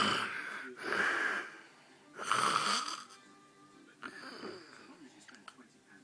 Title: Daddy snoring